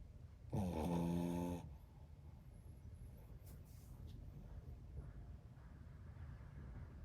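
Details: Single loud, buzzy snore lasting about a second from a sleeping dog, followed by quiet room noise; ordinary snoring.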